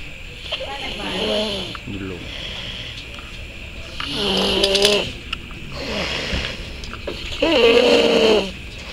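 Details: Snoring during sleep: three loud, rough, buzzing snores about three seconds apart, roughly 20 a minute, over faint room noise.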